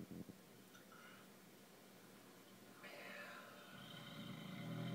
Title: snores